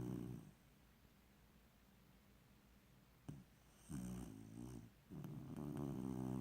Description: He was snoring like a person until the AC kicked on and woke him up.